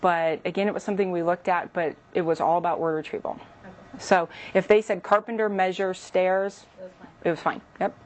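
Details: Adult woman; typical speech.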